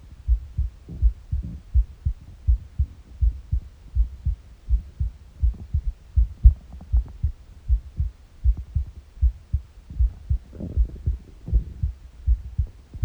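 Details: Morning heartbeat recorded on an empty stomach: steady low heartbeat at about 81 beats a minute with soft gurgling bowel noises in the background; normal heart sounds.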